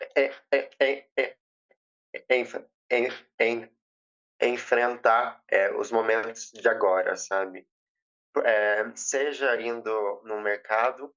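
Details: Stuttering since age 7 in a 20-year-old woman after speech therapy; she says emotions and nervousness intensify it and reports being very nervous.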